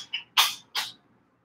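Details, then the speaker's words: Two quick, sharp, hissy sneezes from a cat after a faint softer sound, in a quiet room during an online lecture: cat sneeze. "hear that is my cat sneezing hey kitties sorry"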